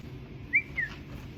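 Two brief, high whistle-like chirps over quiet room noise, a whistling vocal tic of Tourette syndrome.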